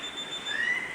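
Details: Faint high electronic beep tones over room hiss from a Dräger Savina 300 ICU ventilator during its startup device check, testing its alarm.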